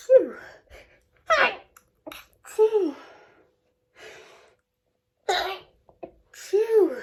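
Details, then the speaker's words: Short stifled sneezing fit in a woman: several quick sneezes in a run, each preceded by a sharp intake of breath; sneezing. "i'm gonna sneeze sneeze and again two two that's me i'm going to sneeze again i can feel that"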